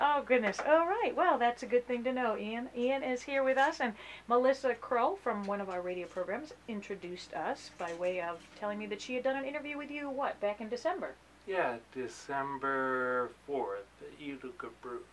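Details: Adult woman speaking, with a brief reply from a man; ordinary conversational speech.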